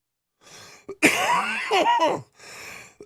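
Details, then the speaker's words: Cough: an adult gives a harsh, forceful cough burst between quieter breaths, an irritated-airway cough, after having just smoked several bong rips. "I apologize I did cram several bong rips in right before we began I'm gonna try to not do that for the rest of the show until uh later until I can't not anymore"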